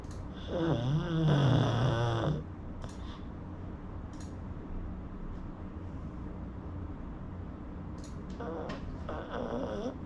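A loud, rough snoring breath near the start, then quieter sniffing and snorting breaths, from a small flat-faced dog asleep.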